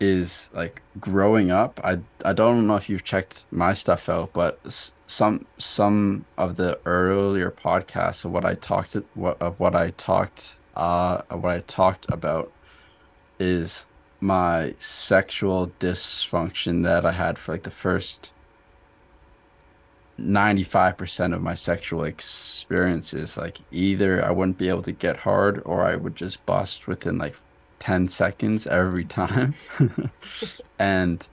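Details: Adult man who stutters; stuttering with audible word and part-word repetitions.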